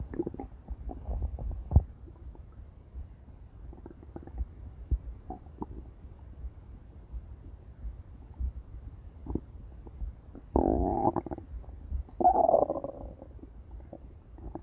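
Irregular low gurgles, rumbles and bubbling pops from the abdomen, with two longer louder growls; ordinary stomach growling.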